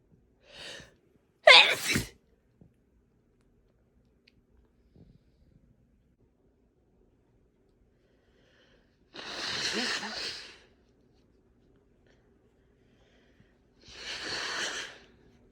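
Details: Sneezing: three forceful sneezes with long quiet gaps between, after a faint lead-in sound; ordinary repeated sneezing.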